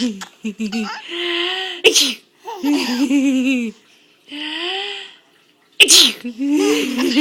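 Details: Mother sneezing while her infant son, a day short of five months old, laughs: two loud sharp adult sneezes, each followed by the young child's giggling laughter.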